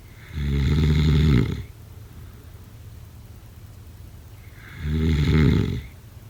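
Two loud, rough, rumbling snores on the in-breath, about four seconds apart with quiet between; heavy adult snoring.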